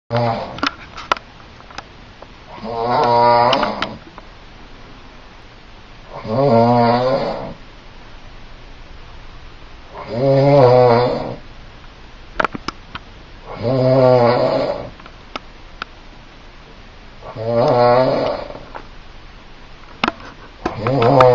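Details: Sleeping adult man (dad) snoring loudly and regularly, about 17 snores a minute, in a quiet room.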